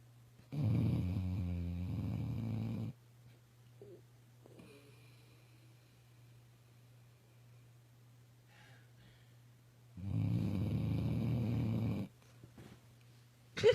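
Two long, loud rattling snores about ten seconds apart, with quiet breathing and a steady low hum between them. Ordinary snoring in a sleeping puppy.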